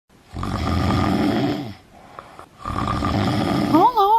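Two loud rattling snores on inhalation, acted, separated by a quiet exhale; snoring can signal obstructive sleep apnea.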